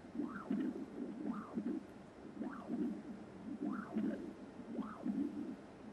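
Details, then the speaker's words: Transthoracic echocardiography, sample volume placed just behind the pulmonary cusp in the right ventricular outflow tract: rhythmic whooshing pulses, about 50 a minute; pulsed-wave Doppler of right ventricular outflow tract flow. "so i will take the cursor and try to put the sample just behind the pulmonary cusp and try to have the pulse stopper in the right ventricular outflow tract so of course i will adjust the baseline and the scale"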